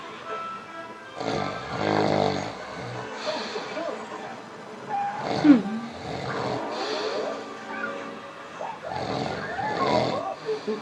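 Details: In a snore-off, loud rumbling, growly snoring breaths recur over noisy background sound with some music; snoring.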